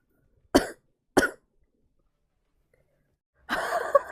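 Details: Girl with a very bad cold, voice gone and sore throat, coughing while gaming on a live stream: two short, sharp coughs, then a longer, rougher cough burst in a quiet room.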